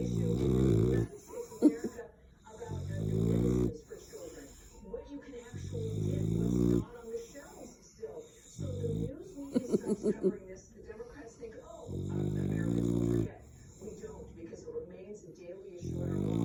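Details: Loud, rumbling, voiced snores in long low-pitched bursts separated by quieter pauses, repeating throughout: snoring during sleep.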